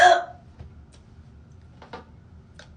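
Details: Hiccups during a night-time skincare routine: a sharp opening catch followed by faint, brief throat clicks over low background hum.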